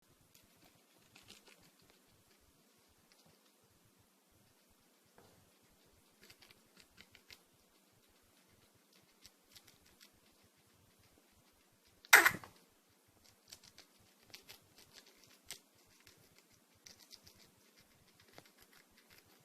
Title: Funny Cute Guinea Pig Coughing